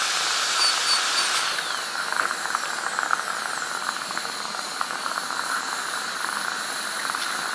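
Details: Steady high-pitched whine with hiss and brief scraping chatter as a dental high-speed drill cuts along a tooth, during an ADC practical exam demo of an FGC preparation on tooth #36.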